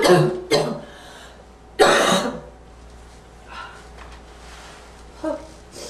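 Two harsh, barking cough bursts with a throat-clearing quality, then faint breathy sounds; a slight wheezy edge is hard to pick out.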